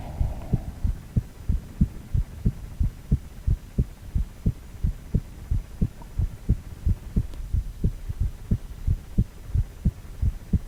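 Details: Steady rhythmic heartbeat pulses, about 90 beats a minute, with a low background hum, heartbeat sound with a 4-chamber ultrasound view of a male heart; a regular rhythm.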